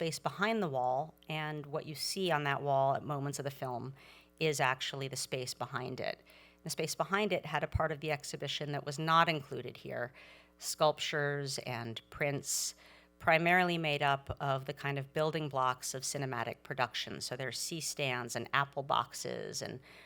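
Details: Adult speaker; Normal speech.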